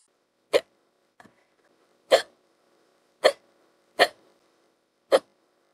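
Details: AI/fictional hiccup clip built from another hiccup recording with added hiccups, female character enjoying speedy hiccups: five short, sharp, gasping hiccups about a second apart with one faint click; repeated hiccups.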